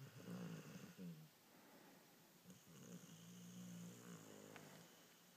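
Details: Sleeping dog with low, rumbling snoring sounds, likened by its owner to a 50-year-old man's snoring, with faint room noise; snoring.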